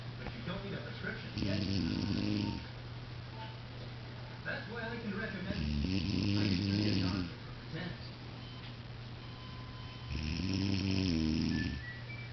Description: I wanted to prove to my aunt that she does snore, so I made this video. I finally have proof! :)